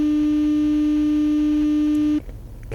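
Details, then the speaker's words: A steady low 300 Hz pure tone lasting about two seconds, then stopping, played during a simulated audiologist hearing exam in a comedy skit: audiometry pure tone. "you're going to hear a series of tones different frequency that makes sense I'm just going to see if you can hear them first and then how well you can distinguish between the different tones"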